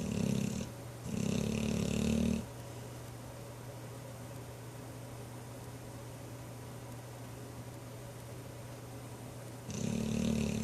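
Low, rough, vibrating breath sounds in bursts separated by a long quiet pause over a steady hum; snoring.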